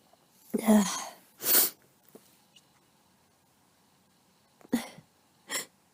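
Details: Four quick sneezes, each a sharp burst after a short indrawn breath, from someone with a cold whose nose tickles so much they can't stop; repeated sneezing.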